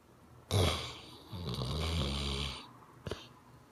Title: Snoring baby quivering face